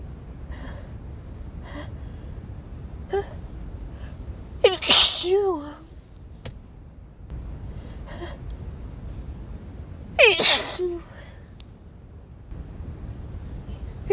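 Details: Two forceful, wet, spraying sneezes over a steady background hum; sneezing during a cold.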